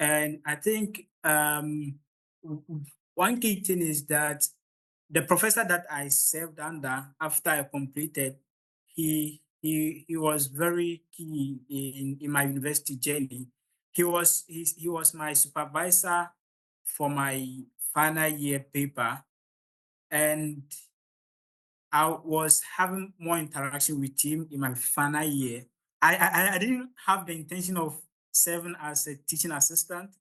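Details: Stuttering (stammering) in an adult man from Ghana during public speaking; he reports the start of his presentations is usually the most difficult, improving once he gains momentum.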